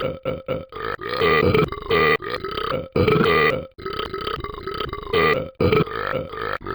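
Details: Person drinking and burping repeatedly: a run of loud, long, throaty belches, about a dozen in under seven seconds, separated by brief gaps.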